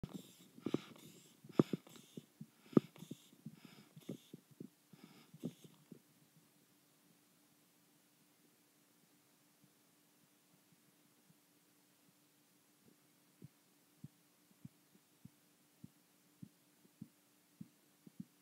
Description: Blood Pressure Measurement with Audible Korotkoff Sounds.